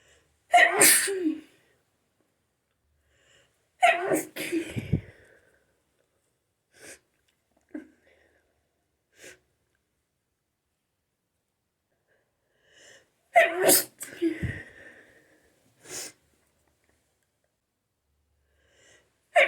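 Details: Three loud, forceful sneezes in a row after a shower, separated by quiet pauses and soft sniffs: sneezing fit.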